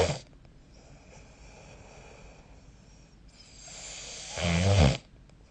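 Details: Snoring recorded with the SnoreLab app during sleep: a quiet breath in, then a loud rattling snore on the next inhalation, with faint room hiss between breaths.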